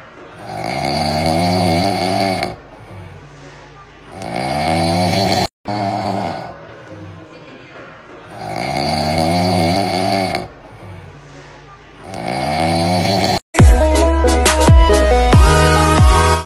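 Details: Loud, rhythmic rattling snores on each breath in, about four cycles, with quiet breaths out between, from a cat sleeping in the middle of a housing project show gallery; music at end; snoring.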